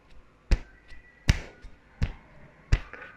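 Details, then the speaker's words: Normal lub-dub heart sounds, a regular low heartbeat at about 80 per minute with each strong beat followed by a softer one, used to explain heart valves opening and closing; normal rate described as 72 per minute. "ये एक आवाज आती है इस आवाज को हम कहते हैं लब डब खुलता है बंद होता है तो उसे हम क्या कहते हैं लब डब लब डब"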